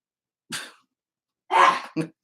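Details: Kennel cough.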